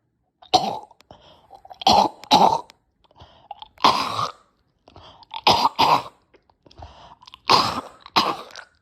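Repeated harsh, throaty coughs in clusters, about nine bursts with strained throat-clearing between; a severe coughing fit.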